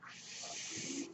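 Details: Podcast host's own mechanical ventilator heard in the background, a soft steady airy hiss with a faint low tone near the end as it delivers a breath; mechanical ventilator noise.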